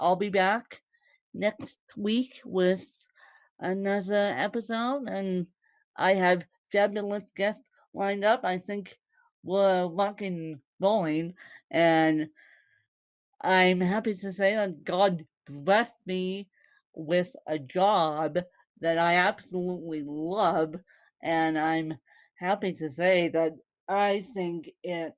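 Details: Woman born with cerebral palsy, speaking; dysarthria associated with cerebral palsy.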